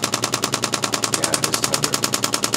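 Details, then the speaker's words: Loud, rapid, even mechanical pulses, about ten a second, with pressure turned up as radial pulse shockwave pins a neck muscle for right-sided neck and shoulder strain while the patient slowly moves; radial shockwave therapy device. "right it's getting loud and you can see by how much he slowed down that Mo motion we're really pinning that muscle now"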